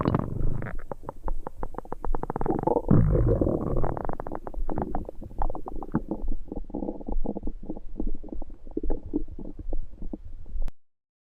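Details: Simulated upset-stomach sound effect: deep, gurgling bowel rumbles in a fast, uneven series of pulses that fade toward the end.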